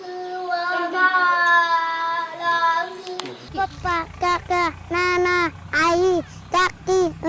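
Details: Speech of a profoundly deaf child (about 95% hearing impaired) who learned to speak with a hearing aid and speech therapy; child names family members.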